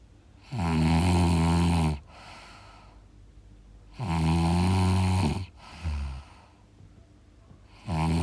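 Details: Loud, rough, rattling snores on each breath in, with quieter breaths out, about 17 breaths a minute; heavy snoring.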